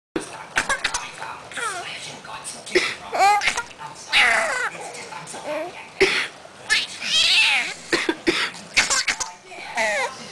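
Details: Repeated short, dry coughs from a mother, each followed by high, squealing bursts of hysterical laughter from her 5-month-old baby girl; ordinary cough.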